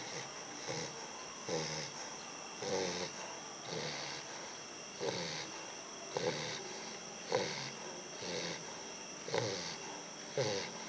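Regular rough, snorting breaths in sleep, roughly one every second, with a faint whistle: snoring in a short-nosed puppy.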